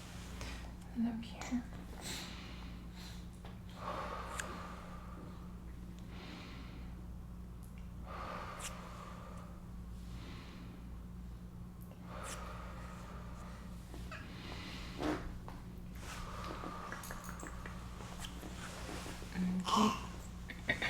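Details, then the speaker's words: Real adult woman, medical roleplay physical exam, lung auscultation during breathing: no crackles heard, normal vesicular breath sounds. "I wasn't able to hear any crackles or any (inaudible) releasing and just normal vesicular breathing"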